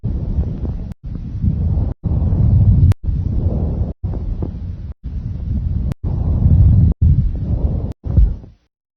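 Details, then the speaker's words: Stethoscope over the trachea and larynx on the anterior thorax: loud, high-pitched, harsh, hollow tubular rushing breath sounds, normal bronchial or tracheal breath sounds. "on the anterior thorax you should hear bronchial or tracheal sounds over the trachea and larynx these sounds are high pitched and very loud have a harsh tubular quality and sound like"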